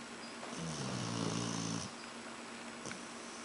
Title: Diesel Snoring